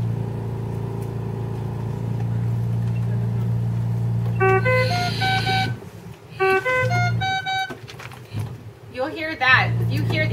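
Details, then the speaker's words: Ventilator high-priority alarm on a PB 840 ventilator, shown red on screen: over a steady low machine hum, a rapid melodic burst of high beeps at changing pitches, repeating; high-priority alarms sound different from lower-priority ones. "I'm going to show you the differences in the alarms but this is high priority you can tell by the sound of it also anything that comes up in red on the screen is high priority"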